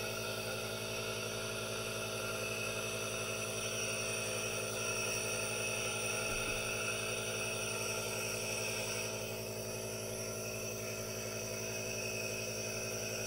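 Steady droning hum with a hiss of airflow, unchanging throughout: a compressor nebulizer running continuously.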